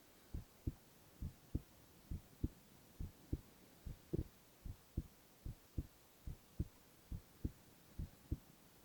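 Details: Male ASMR recording of his own heart: steady, paired low lub-dub thumps at about 68 per minute with a quiet hum behind; normal heart sounds.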